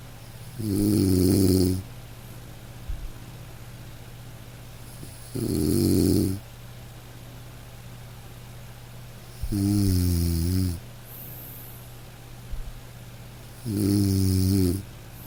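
Slow, regular rumbling snores about 14 a minute from a sleeping dog, with faint steady rain behind; ordinary sleep snoring.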